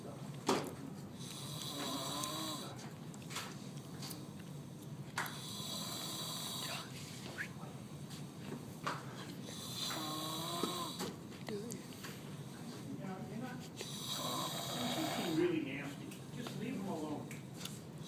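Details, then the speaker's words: Repeated rough, snorting, chainsaw-like snores from a man, about every two and a half seconds, with room noise in the background. "you sound like a fucking chainsaw."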